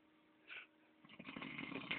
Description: rocando bien cabron